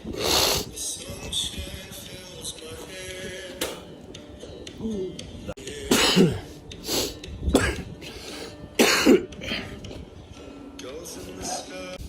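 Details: Repeated loud harsh coughs and throat clearing from an adult man walking home from a bar, described as snot, coughing and phlegm, recurring every few seconds with background music.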